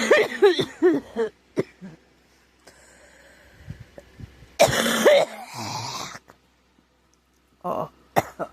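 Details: Girl with scratchy, sore throat who thinks she is getting a cold: a run of short coughs, then a harsher cough and a throat clear, with a few single coughs after.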